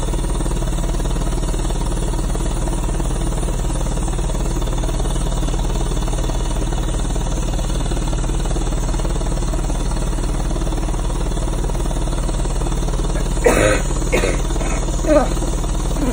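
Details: Chest wall oscillation airway clearance vest, inflated and running on a patient with pulmonary hypertension and an unexplained illness/infection lasting almost 7 weeks, used every 2 hours alongside Ventavis: loud, steady rumbling vibration, brief voice near the end.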